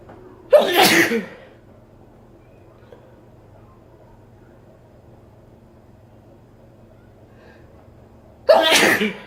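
Two sharp, forceful sneezes about eight seconds apart in a quiet room.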